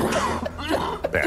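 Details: Adult man on a TV set suffering a coughing fit on air: short, harsh, repeated cough bursts with throat clearing.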